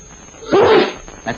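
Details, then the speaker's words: Single sharp, forceful sneeze with a short build-up breath, from a 1945 public-health film recording on careless sneezing and handkerchief use; person told to close eyes and sneeze into a handkerchief. "Close your eyes. Now, handkerchief. Sneeze. Sneeze. Handkerchief."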